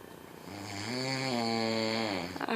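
One long, loud, buzzing snore that rises and then falls away. Ordinary snoring.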